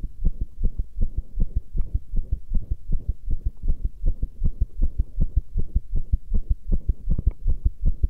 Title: Pressure Heartbeat 9